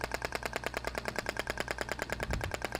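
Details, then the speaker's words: Radial shockwave therapy applicator firing over muscle to treat trigger points: fast, regular clicking pulses about nine per second, applicator held in place. "tá então ó tô distribuindo aí esses últimos disparos eu vou fazer movimentando Se necessário né o aplicador na região da musculatura paro mais um"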